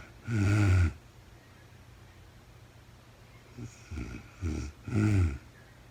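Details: Real-time recording of a woman asleep, no talking: loud, low, rattling snores on inspiration, one long then a cluster of shorter ones, with quiet breathing between; ordinary sleep snoring.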